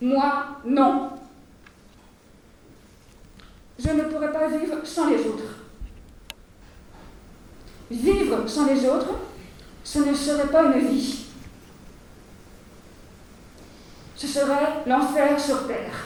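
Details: Adult woman who stutters, giving a French speech at a 2020 eloquence contest for people who stutter, with pauses between phrases; stuttering.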